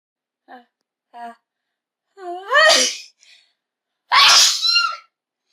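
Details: Two short, quick inhalations followed by two loud, explosive sneezes in a row; human sneeze.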